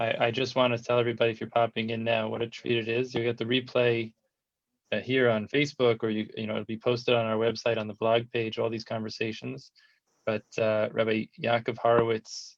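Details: Adult male speaker; typical speech.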